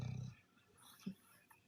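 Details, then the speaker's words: A sleeping female dog snoring loudly over a person talking: a low, rattling rumble, then quiet and a brief soft snort. Ordinary dog snoring. "I'm sorry if you can hear her snoring and it's overtaking my voice I I apologize but she kind of doesn't give a [ __ ] and she's not going to wake up and not be loud"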